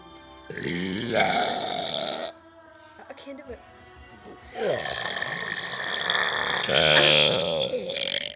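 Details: Friends deliberately burping on cue in a contest: two long, loud, rumbling belches with a quieter pause between, music in the background.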